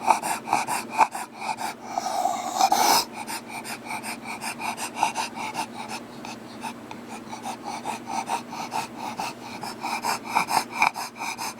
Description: Wondering if this is normal for a Bulldog to breath very heavily.